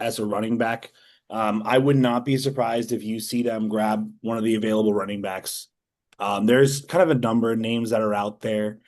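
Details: Adult male speaker; normal voice.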